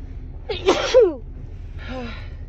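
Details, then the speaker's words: Female sitting in her car, sneezing from allergies with tickly, runny nose and watering eyes, one of five sneezes into a handkerchief: sharp inhaled build-up, forceful explosive burst, softer trailing sound. "Excuse me. Oh, I think I have to sneeze again. Oh, my nose has been tickling all day."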